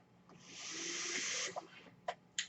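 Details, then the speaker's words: The speaker's own mechanical ventilator, heard while they talk: a long airy hiss of a delivered breath, then brief clicks and puffs. "e hearing is my ventilator and welcome page turners"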